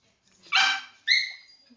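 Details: Dog unwell with kennel cough gives two harsh, honking cough bursts.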